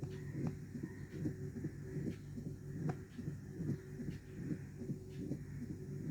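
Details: Mitral stenosis: low-pitched heart sounds at about 74 a minute with a low mid-diastolic rumbling murmur between beats.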